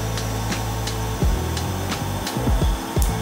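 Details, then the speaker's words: Laser tattoo removal patch test: sharp, brief laser pulse clicks about every third to half second over a steady machine hum and faint music as the laser fires on the skin. "did you hear that click i was talking about coming in"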